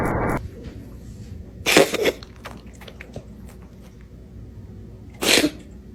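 Two short explosive bursts of sneezing a few seconds apart in a quiet room; sneezes from a cat.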